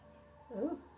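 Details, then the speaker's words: Adult's stomach growling: brief, low, warbling gurgle rising and fading in a quiet room; normal borborygmi. "y'all didn't hear that. My tummyy's growing."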